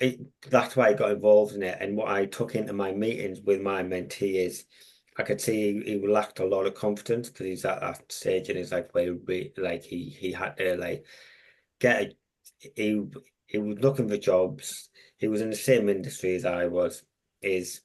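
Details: Adult man with a long-standing stammer, a mentor for young people who stammer; had speech therapy around age 11–12 and again in 2018; stuttering.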